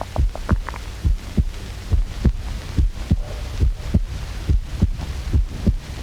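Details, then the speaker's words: Deep, regular low thumps, about 70 beats a minute, with steady hum underneath: a human heartbeat picked up and amplified electrically in a 1937 film, likened to a jungle drum. "does this sound like the rhythmical beat of a jungle drum actually it is the sound of a human heart which science can amplify a million times"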